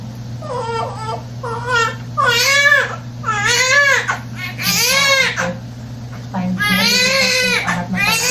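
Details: Repeated strong, high-pitched wails with brief breaths from a newborn baby boy just after birth, second baby; vigorous, normal cry.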